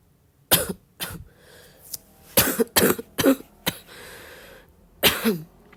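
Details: About seven short cough bursts with some throat clearing in a quiet room; a cough described as getting wet, with a loose productive sound.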